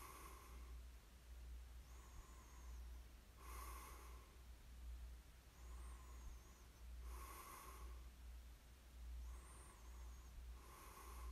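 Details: Quiet snoring during sleep: soft, regular breathing noise with a faint rasp on each breath, about 28 a minute, over a steady low hum.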